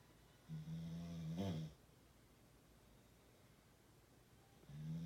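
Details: Extreme snoring so loud it shakes the body: a deep, droning snore about a second long with a brief snort, a quiet pause, then the next snore; loud snoring.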